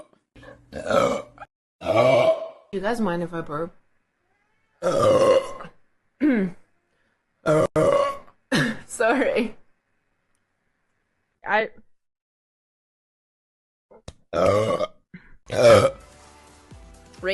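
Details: Several loud, drawn-out voiced belches in a row, separated by pauses, in a quiet room; repeated burping with apologies between.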